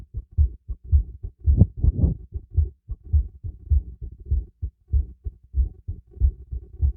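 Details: Steady low lub-dub thumps at roughly 107 a minute through a stethoscope, quickened after light exercise, with faint breath rustle in places; a normal heartbeat.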